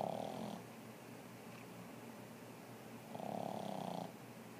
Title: More snores